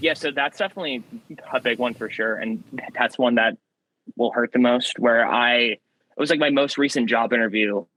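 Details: Young man who has stuttered since childhood, with a variable stutter, sometimes swapping words mid-sentence to avoid getting stuck; stuttering.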